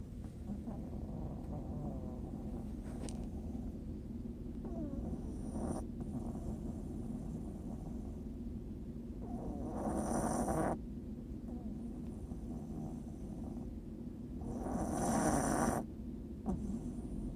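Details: Two loud, rough, rattling snores standing out over a steady room hum; snoring.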